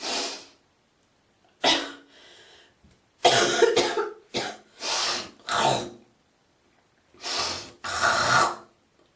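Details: Girl coughing, hawking and spitting: repeated harsh cough bursts mixed with throat clearing and hawking, in short groups with quiet pauses; cough with throat clearing.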